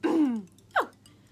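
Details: Person with Tourette syndrome for whom throat clearing is one of the named tics; throat-clearing vocal tic.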